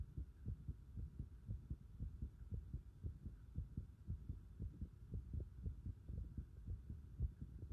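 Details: Steady low thumping heartbeat at about 115 a minute with a faint background hum; normal heart sounds recorded with the pulsation at the pit of the stomach (epigastrium).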